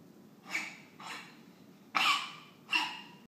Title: Coughing